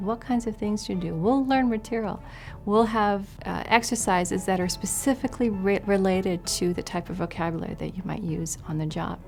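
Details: Adult woman speaking; Normal speech.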